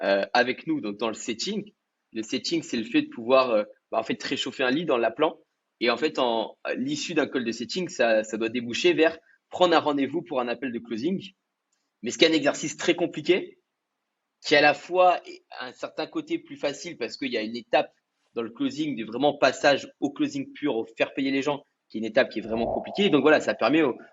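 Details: Adult male speaker; normal speech.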